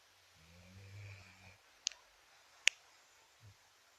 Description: Mi perro ronca mientras duerme. Adorable momento perruno.